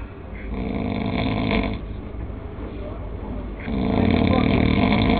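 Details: Loud, coarse, fluttering snoring breaths in and out, repeating steadily; heavy snoring.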